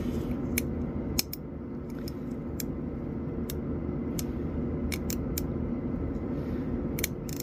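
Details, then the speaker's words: Scattered sharp clicks and scrapes over low room hum: a hand instrument scraping to flatten the floor of a class II DO amalgam preparation on a maxillary first premolar, a bench exercise. "I use uh [Music] scraping motion [Music] [Music] it requires uh finger strength"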